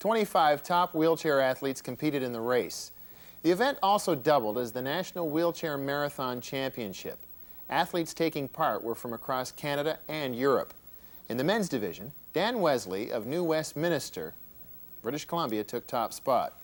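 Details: Adult speaker reading a news report; normal speech.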